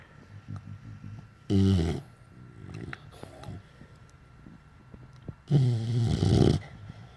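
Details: Pitbull sleeping in its owner's arms: two loud, low, rattling snorts on breathing in, with soft snuffling between; snoring.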